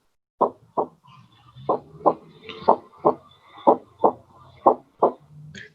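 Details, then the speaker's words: Physiology class recording of normal heart sounds at an auscultation focus, with a phonocardiogram showing S1 of greater amplitude than S2: regular heartbeat about 60 a minute with distinct first and second sounds and clear pauses. "entonces vean como aquí dice foco ave y en el fondo cardiograma el sonido uno tiene una mayor amplitud que el sonido 2 por lo que ya habíamos comentado"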